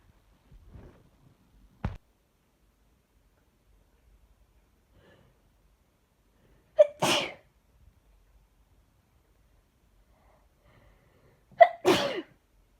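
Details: Allergic sneezing fit from a bouquet of lilies, person alone, sneezes mostly covered by hand or tissue: two loud sneezes, each with a sharp in-breath before the burst, in a quiet room; allergic sneezing.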